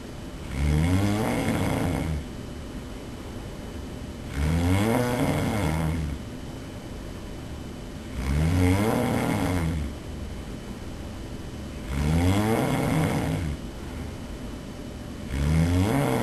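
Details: Person recorded by their roommate while asleep: loud, rough snores on each in-breath with quiet gaps between, about 16 breaths a minute; heavy snoring.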